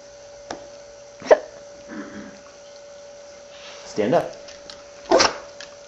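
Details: Shiba Inu sneezing on spoken command to beg for food: a few short, sharp nasal bursts over a steady background hum; cued sneezing.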